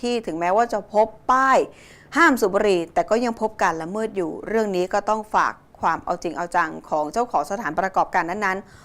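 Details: Adult female speaker; normal voice.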